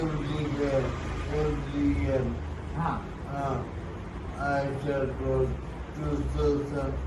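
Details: Real patient with dysarthria caused by stroke, presented as a typical case, with speech described as not clearly articulated; dysarthria.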